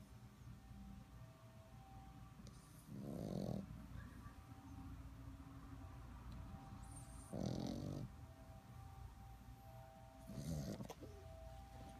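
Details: Sleeping puppy snoring: short rumbling snorts on inhalation about every three to four seconds over background noise.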